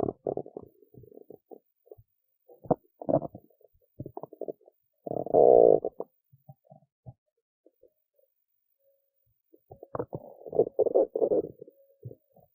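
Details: Belly sounds after a skipped lunch, with hunger: irregular gurgling and squeaky rumbles, quiet gaps, and one long drawn-out growl. Hunger stomach rumbling (borborygmi), a normal bowel sound.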